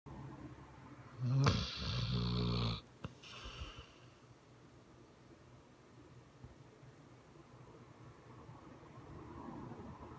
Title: Snoring baby quivering face